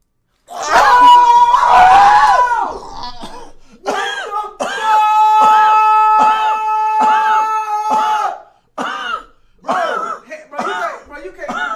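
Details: An adult streamer breaks into a coughing fit, a run of repeated, strongly voiced, strained coughs that are hard to stop.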